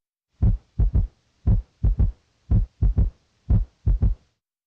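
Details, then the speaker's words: Stethoscope bell at the apex: low, dull, soft heart sounds in a three-beat galloping rhythm, about 57 cycles a minute; an early-diastolic S3 gallop, which in an adult may signal heart failure. "S3 is a dull soft sound like distant thunder in an adult it may signal heart failure now listen for S3 which sounds like a galloping"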